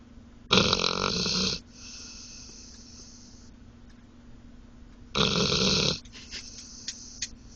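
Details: Asleep in a car after a long day of trying to escape its cage: two loud, rough, rattling breath noises about four seconds apart with quiet breathing between; snoring.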